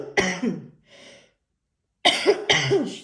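An adult woman gives about four harsh coughs in two bursts, separated by a brief silence.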